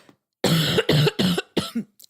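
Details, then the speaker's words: Run of four harsh, rough coughs from an adult woman with cancer and brain metastases; a cough lasting a couple of weeks after a cold, also affecting her son. "as you can hear I have a nasty bit of a cough that I've been fighting for a couple of weeks my son has it too"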